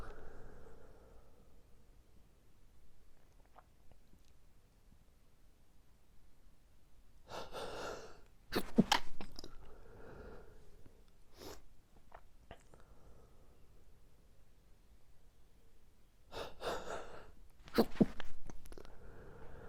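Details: Morning allergic sneezing fit that happens every morning and went on about five more minutes: quiet breathing broken by two bursts of sneezing a few seconds apart, with sniffing between.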